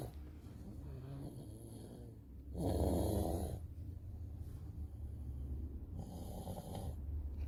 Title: 내 코골이 심해